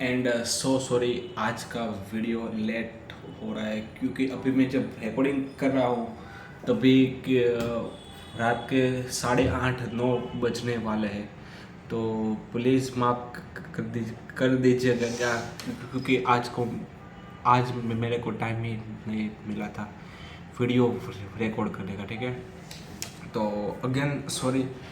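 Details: Adult male who stammers, on day 10 of a daily fluency practice routine, speaking spontaneously in Hindi; real stammering.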